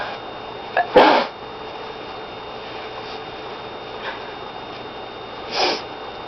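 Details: Deliberately induced sneeze after smelling laundry detergent held next to the nose (not snorted): a quick inhale, one sharp explosive sneeze, and a fainter sneeze-like burst a few seconds later; sneezing.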